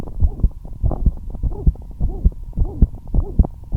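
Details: Fast, steady heartbeat near 105 a minute, recorded at rest though the rate sped up, with a whooshing sound between the thumps; heart murmur.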